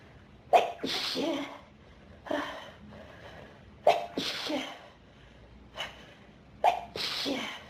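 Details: Sneezing fit: three forceful sneezes about three seconds apart, each with a sharp in-breath, from a person with pollen and dust allergies since around age 14, attributed to dust in the room.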